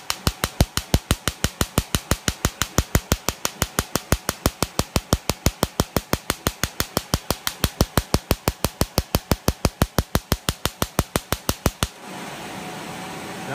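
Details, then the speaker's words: Erbium laser flattening a raised facial mole layer by layer under anesthesia, as part of a hybrid laser mole treatment: rapid, very regular sharp snapping pulses, about 90 a minute, then a quiet hum. "ou see me take it down layer by layer"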